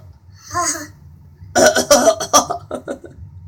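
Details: A child asked if she is sick gives a short voiced sound, then a quick run of several forced, staged coughs: voluntary (fake) cough.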